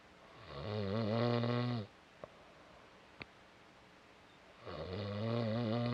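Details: Snoring: loud, low rattling snores on each in-breath with quiet pauses between, ordinary heavy snoring.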